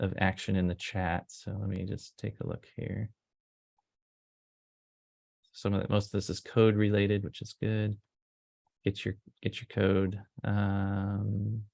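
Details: Adult male speaker; normal speech.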